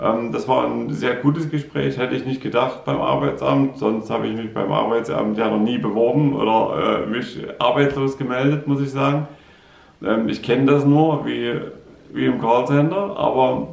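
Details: Man with aphasia following a stroke, in part 12 of his own vlog series; aphasia.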